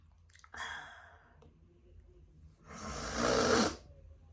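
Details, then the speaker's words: Person with new autumn allergies sneezing after a walk outdoors: a short breathy catch, then a loud explosive burst of air through nose and mouth; sneezing leaves them lightheaded. "So I grabbed my phone quickly, as quickly as I could. And you saw how quickly I didn't catch it, nearly didn't catch it there."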